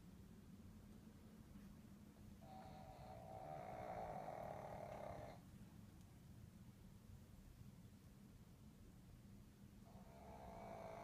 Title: Who ever said snoring is a deal breaker...